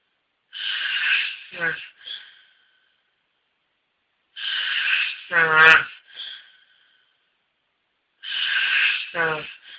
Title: Snoring Man